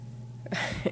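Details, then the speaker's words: Single muffled sneeze from an adult man in another room, heard over low room hum; colds have been going around the household. "hear my husband sneezing in the other room. We've had a lot of colds passed around lately."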